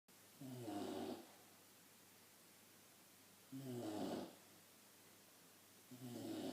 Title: Pixie The Boxer Dog - 7 months old - Snoring like a granny!